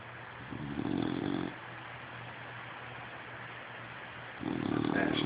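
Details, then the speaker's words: Dog that has just fallen asleep: two rough, rattling snores a few seconds apart over steady room hum, snoring. "Seems as somebody has fallen asleep. Notice the snoring sounds."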